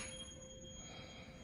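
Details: Faint, steady, pure ringing tone from a struck tuning fork during a Weber hearing test, part of a head-to-toe physical health assessment exam of an adult female patient, over low room rumble.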